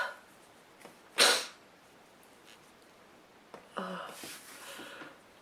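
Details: Adult woman sneezing: one sharp sneeze, then a voiced noisy burst, likely a second sneeze, over steady room hiss.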